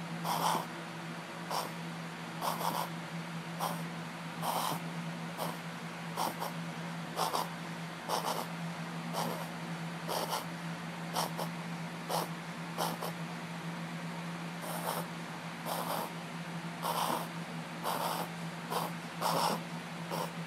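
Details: Dog making repeated short, sharp snorting inhalations, happening often lately per owner; pattern of a reverse sneezing episode.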